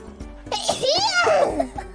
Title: Sneeze【FUWAMOCO HoloAdvent】